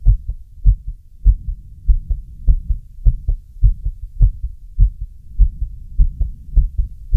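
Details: Actual recording of an adult male's own heartbeat: steady, regular paired heart thumps about 100 beats a minute, an ordinary normal heartbeat.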